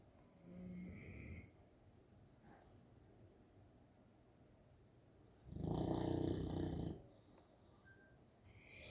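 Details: Sleeping St. Bernard puppy snoring: two low, rumbling snores several seconds apart, the second longer and louder, with quiet breathing between.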